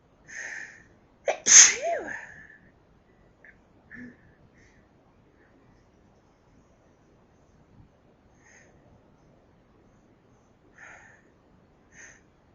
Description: Sneeze fit brought on by my allergy to Lillies